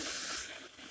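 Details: Ultrasonic scaler during teeth scaling: a steady, high hiss of water spray that fades slightly toward the end.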